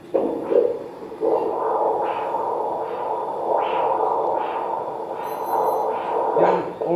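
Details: Microvascular Doppler probe on the spermatic cord during microsurgical varicocele surgery: rhythmic pulsing whooshes, an arterial signal distinguishing artery from surrounding veins.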